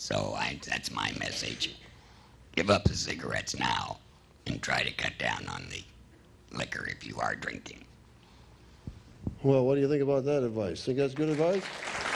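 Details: Electrolarynx speech from a woman whose larynx was removed, followed by radiation and chemotherapy, about two years earlier; battery device held against the throat makes a beeper sound that she articulates.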